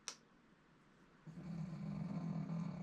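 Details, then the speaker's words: A dog's low, rumbling snore, heard during a LEGO build, starts partway through and holds steady after a single light click. "That's my dog snoring if you uh if you can hear that."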